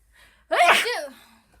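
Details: A quick intake of breath, then a single voiced sneeze from a child.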